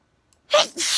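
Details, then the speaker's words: Adult with ongoing sneezing bouts: a single sharp sneeze after a brief silence, with a quick intake of breath and forceful burst of air. "anyway folks it looks like my sneezing has finished"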